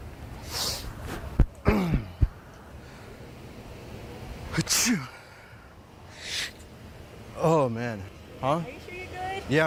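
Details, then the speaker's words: Sneeze prank, possibly staged: several sharp sneeze-like bursts with short gasps amid speech and outdoor noise; the person says they've been sneezing all day and thinks something is in their nose. "thank you yeah I just been sneezing like all day"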